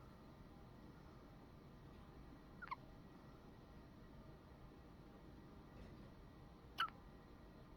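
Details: Hiccups: two short, soft, sharp sounds a few seconds apart over quiet background hiss, consistent with an infant's hiccups, with smiles and a nipple mentioned.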